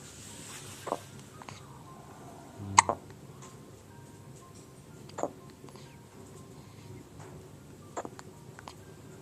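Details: Baby in the morning: short, sharp hiccup sounds at intervals of a few seconds in a quiet room; ordinary baby hiccups.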